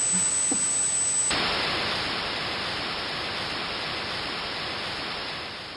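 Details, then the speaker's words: A brief high steady whistle gives way to a loud, constant rushing hiss: a simulation of hissing-type tinnitus. "Imaginez maintenant qu'un son similaire résonne dans vos oreilles constamment, 24 heures sur 24, et qu'aucune autre personne ne puisse l'entendre."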